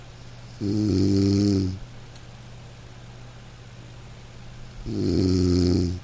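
Two soft, tonal snores about four seconds apart over light rain; gentle snoring in a sleeping dog.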